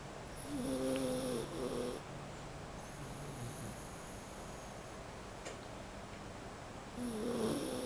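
A sleeping dog gives soft, rumbling snores with a faint whistle on each breath, separated by quiet pauses; ordinary snoring.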